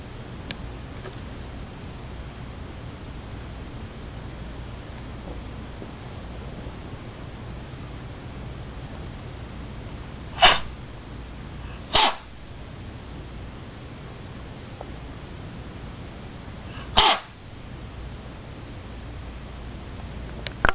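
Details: Sick cat holding back a sneeze: three brief, soft nasal bursts like small stifled sneezes over a steady room hum; sneeze.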